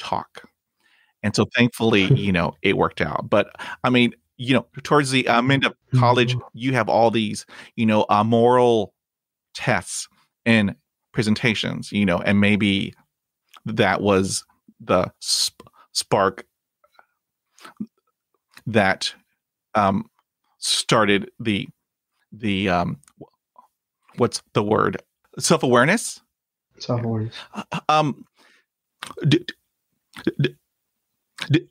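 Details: Real stuttering in an adult man who stutters and reports blocks and repetitions in his own speech.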